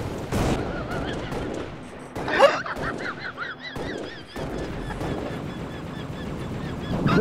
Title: dog wheeze